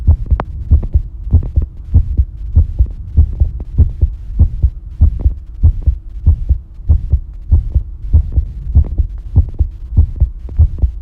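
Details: Regular low thumping heartbeat recorded while bathing, at about 97 beats a minute (approximate) with a steady background hum; normal heart sounds.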